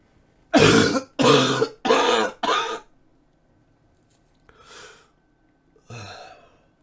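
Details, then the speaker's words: Adult streamer has a persistent coughing fit: a rapid run of four forceful, harsh coughs, then two softer coughs after a pause. The cough is painful and obstructing speech. "like I could just live with the cough but it's as you can hear obstructing my ability to a talk"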